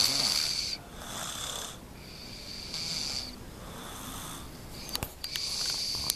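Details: Young girl snoring while asleep; loud, whistling, hissing snores with each breath, roughly every second, with a few clicks near the end.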